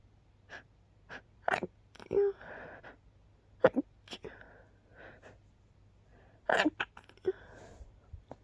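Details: Several short, stifled sneezes with quick inward gasps between them, recorded after waking up sneezing, kept quiet so as not to disturb others; suppressed sneezing.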